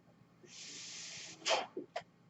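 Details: The speaker's own mechanical ventilator is audible in the background while they talk on a podcast; mechanical ventilator breath sounds.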